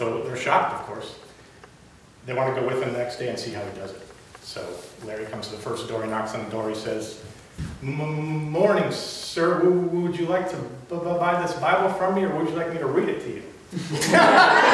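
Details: Adult man, lifelong stutterer, giving a prepared public speech; stuttering.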